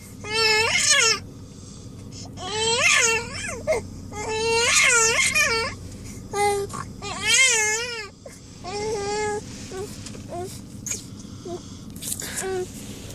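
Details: Infant crying with repeated high-pitched wails while another person snores nearby, a steady low rumble underneath; infant cry.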